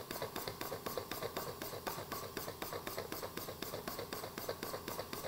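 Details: Rapid, regular percussive pulses, about four per second, from a Percussionaire IPV-1C intrapulmonary percussive ventilation device in bench testing. It drives simulated viscous sputum through an ET tube connected to a balloon lung.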